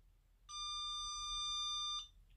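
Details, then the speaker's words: Enraf Nonius Endolaser 120, 800nm cluster-probe low level laser therapy on the plantar fascia for plantar fasciitis: single steady high tone, about 1.5 seconds, in a quiet room as timer hits zero, treatment-finished alarm. "you'll see now once it gets to zero we get the warning sound to say that the treatment is finished"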